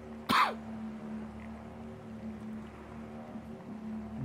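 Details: A single short, sharp, partly stifled cough near the start, then quiet with a steady low hum, from someone recovering from a collapse at work who links the coughs to dirt and dust in the body; isolated suppressed cough.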